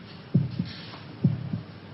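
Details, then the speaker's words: Heartbeat sound effect in a 1968 BBC TV drama: two steady lub-dub pairs of low thumps, about 65 beats a minute, regular; heartbeat. "Can you hear your heart beating?"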